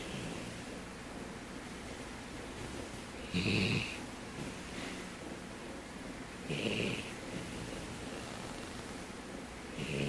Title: POODLE SNORING LOUD